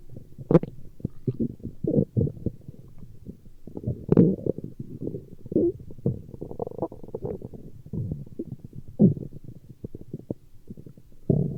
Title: Stomach Growling